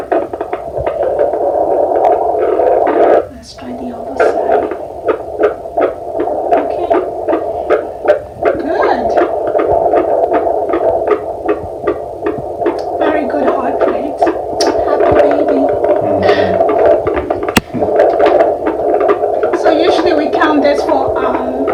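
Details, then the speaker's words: Fetal heartbeat heard with a handheld fetal Doppler and gel, probe placed where the baby's back is thought to be, on an active, moving baby. Fast, regular whooshing at about 140 bpm, within the stated 120–160 normal range; normal fetal heart rate. "minute and just listening to it it's like 140s there we go i love the sound of heartbreak it's so amazing it's so amazing"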